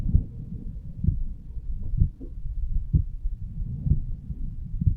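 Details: Heartbeat of a 35-year-old male lying on his side, recorded at the aortic valve area: regular low thumping, about 65 beats a minute, over a low rumbling background of blood flow; normal heart sounds.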